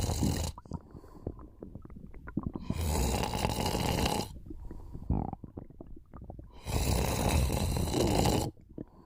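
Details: Snoring and stomach sounds during a short nap: two long rough snoring breaths with crackly, gurgling sounds between them; snoring.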